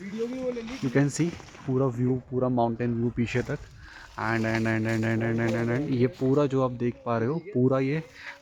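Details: Stuttering with whole-word repetitions of 'and' in a male Hindi-English vlogger who describes himself as a stammerer.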